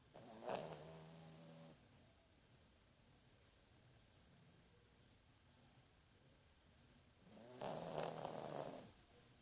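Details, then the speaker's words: Sleeping dog snoring: two rattling, throaty snores about seven seconds apart with quiet room noise between while the owner urges her to stop snoring and wake up. "Chega de roncar, baby. Baby. Chega de roncar."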